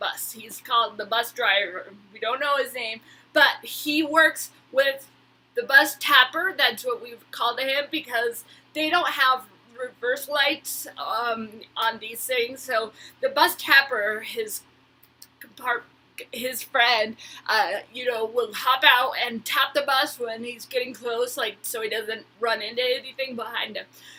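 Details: Woman with Huntington's disease who attends speech therapy; dysarthria in Huntington's disease.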